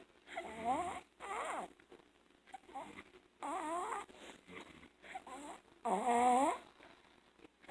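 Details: A sleeping 21-month-old girl, born premature, with enlarged tonsils, snores in squeaky, whistling bursts after hospital discharge for left-lung pneumonia and viruses; loud snoring with severe obstructive sleep apnea.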